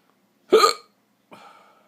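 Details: Father and his young son both hiccuping at 4 a.m., hiccups lasting since the previous night and possibly blamed on sausages eaten; one sharp, abrupt hiccup followed by a fainter second one about a second later; hiccups.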